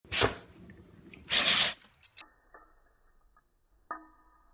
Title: My dog sneezing in slow mo